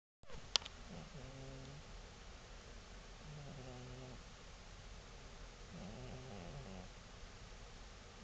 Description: this is My wifes 17 year old cat sleeping on her table just snoreing the day away.